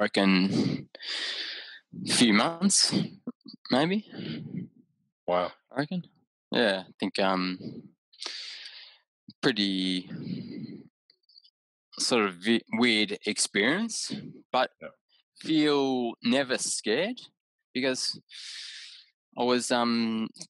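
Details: Adult man with aphasia after a haemorrhagic stroke caused by an AVM at age 34, recorded about six years later; right-sided deficits, vision issues, word-finding difficulty, mixing up similar objects; aphasia.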